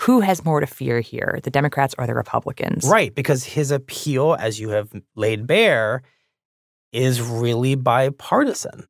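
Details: Adult male speaker; normal speech.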